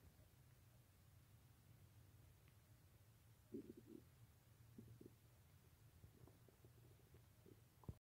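Low steady rumble with a few short gurgles and squelches from the abdomen; stomach gurgling during a gassy stomach ache.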